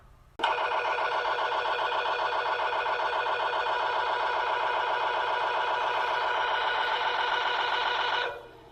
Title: MRI SOUNDS